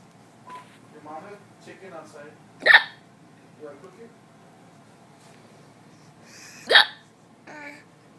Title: Laughin at my hiccups